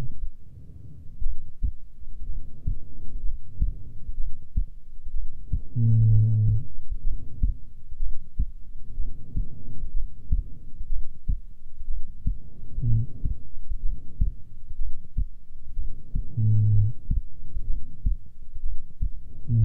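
Low, muffled, steady heartbeats at about 60 a minute, with a faint hum behind them. A normal resting rate.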